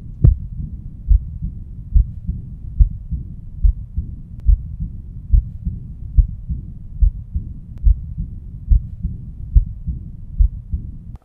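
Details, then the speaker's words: Aortic regurgitation, stethoscope at left lower sternal border, 3rd–4th intercostal space: regular heartbeat near 71/min with a soft blowing early diastolic murmur following each systole. "I hear a murmur that occurs after the stick moves or after systole it's occurring during diastole"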